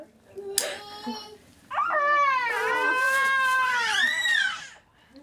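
A newborn gives a short cry, then a long, strong wail with a clear, rising-and-falling pitch: an ordinary healthy cry in response to a brief heel-prick.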